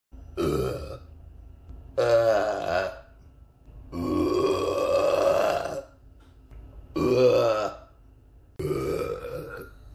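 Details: Five loud, voiced belches in a row, some long and drawn out, with quiet gaps between, from a person riding a commuter train (S-Bahn) while wearing a face mask; ordinary belching.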